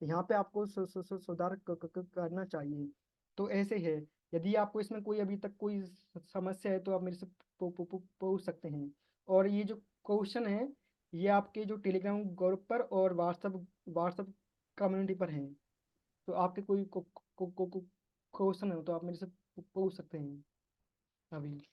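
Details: Man in an online stammering support group, Hindi, planning to use bouncing and prolongation techniques; word and part-word repetitions; stuttering.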